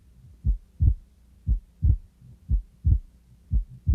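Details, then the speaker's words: Teaching-quiz recording with inspiration and expiration called out: a regular heartbeat at about 60 a minute whose second sound splits on inspiration; normal physiological split S2. "so again we heard a split s2 on inspiration so which of the following would be most accurate to describe a split two on inspiration"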